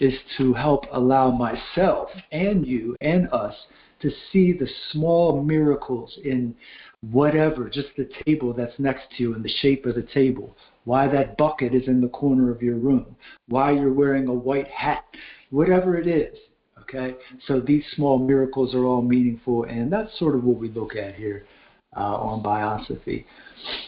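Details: Adult male speaker; ordinary speech.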